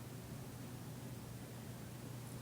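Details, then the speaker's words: Oxygen flowing through a nasal cannula connected to a Thorpe tube flowmeter without a humidifier, flow set for the patient in a demonstration: a steady, soft, unbroken hiss of gas. "Now I'm just going to set her flow to her desired needs."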